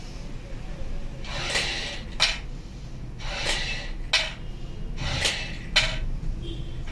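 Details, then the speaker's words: Three forceful breaths out into an incentive spirometer held upside down, each followed by a short sharp breath in: an expiratory exercise demonstrated by a physiotherapist for lung recovery, such as after COVID. "आप लोगों को पता ही नहीं कि इस विवाहित हम expert exercise भी कर सकते हैं और ऐसे उल्टा करना है और आपको साथ इस डिवाइस में छोड़नी है"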